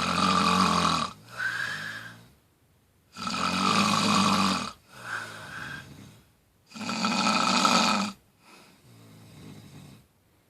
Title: Raffy. snoring